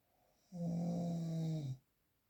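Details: Real unprocessed snoring recording: a single low buzzing snore lasting about a second on the in-breath, in a quiet room.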